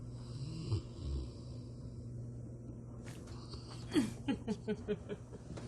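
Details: A Rottweiler in deep daytime sleep, said to snore louder than a human: low, rumbling snores, then a run of short, snorting snores. Ordinary snoring.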